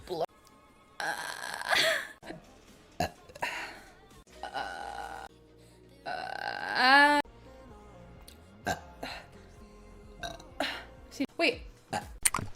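Several loud, long, rumbling belches with talk and music between them; repeated burping.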